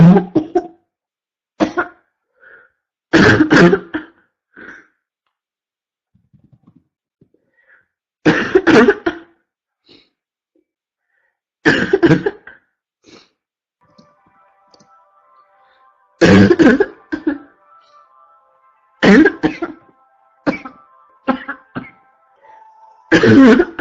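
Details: Adult woman with a constant barking cough gives repeated harsh, loud coughs, single and paired, in short bursts with quiet gaps.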